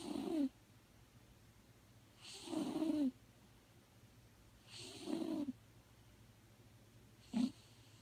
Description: Maggie is 19-1/2 years old, and has snored her entire life.